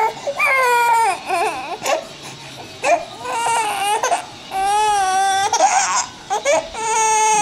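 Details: 4-month-old baby crying over a sister's iPod; loud, wailing cries in repeated bursts with brief catches between them, with Spanish-speaking voices in a small room.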